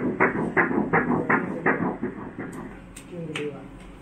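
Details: Rapid, regular whooshing Doppler pulses at about 165 per minute: heartbeat of the second, larger twin (1.57 cm) at 8 weeks of a twin pregnancy, on ultrasound.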